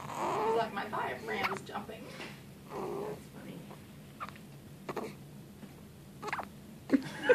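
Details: Baby girl lying down with hiccups: several brief, sharp catches spaced irregularly, with soft baby sounds and faint voices between.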